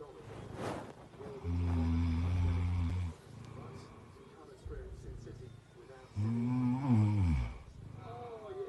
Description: Perry listening to annoying snoring sound while visibly tired